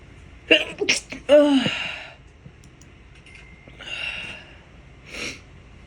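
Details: A quick inhaled catch, a loud explosive sneeze, then breathy exhalations and a muffled second sneeze from a person with COVID infection who reports constant tickle and watering eyes; repeated sneezing.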